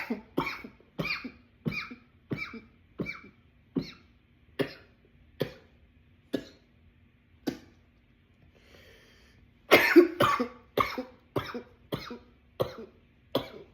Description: here is a runaway coughing attack i was having.